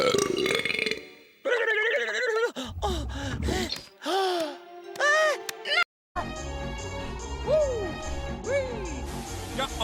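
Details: Several loud, drawn-out belches from cartoon characters, set among music and dialogue clips in a compilation of animated characters burping.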